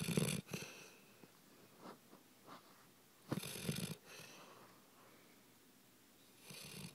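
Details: Light snoring: soft snorting snores with faint whistling and small snuffles between, roughly 19 breaths a minute, likened to an old man snoring.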